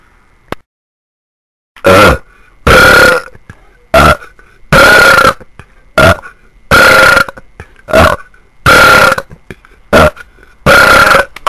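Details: About ten loud, drawn-out belches, some long and some short, in quick succession; burping.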